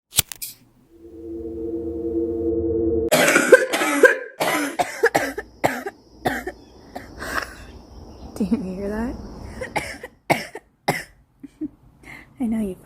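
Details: Girl coughing: repeated short coughs in quick succession after a sustained humming tone, with faint background noise and brief vocal sounds between coughs.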